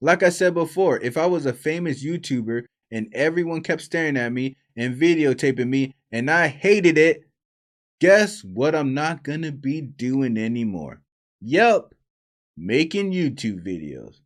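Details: Adult man speaking; Normal adult speech.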